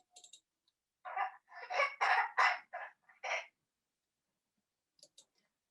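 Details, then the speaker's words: Child's cough: a run of about seven short dry coughs, a pause, then a harsh high-pitched crowing intake of breath, cough with difficult inspiration of laryngospasm type; cough with inspiratory stridor. "затрудненным вдоль вдохе по типу ларингоспазм а и кашель при коклюше у детей серьезный кашель ."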